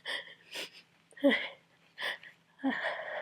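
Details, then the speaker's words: Adult with a heavy cold: a run of several sharp, forceful, messy sneezes with short catching breaths between them, within a fit they cannot control or stifle that recurs about every two hours; sneezing. "I would try to stifle these, but I don't think it's possible. Especially since for me stifling makes it worse."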